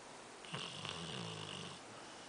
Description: Dog Snoring